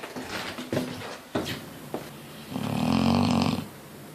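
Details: 8-year-old female Neapolitan Mastiff asleep, snoring loud enough to wake the neighbours below: loud, deep rumbling snore with rattling breaths and snorts, in a small room; snoring.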